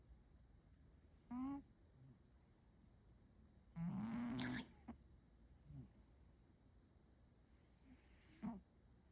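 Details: Three brief, buzzy nasal snorts at irregular intervals from a sleeping Maine Coon cat during a nap, over quiet background hiss: snoring.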